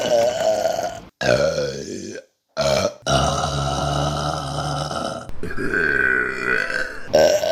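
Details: Compilation of burps from March 2022: several long, loud, rumbling burps with brief pauses between them.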